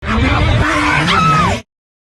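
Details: Single loud, voiced sneeze from an adult, abrupt onset ending with a falling vocal tail.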